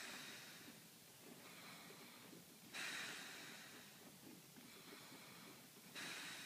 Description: I couldn't sleep again because husband snoring so I decided to have some fun lol.